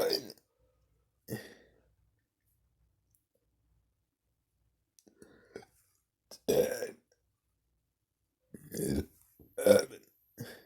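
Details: Voluntary burping: deliberate belches shaped into spoken counting numbers, a burp-talking display with quiet gaps between.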